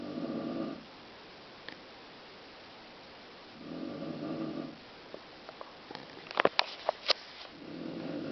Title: Mom Snoring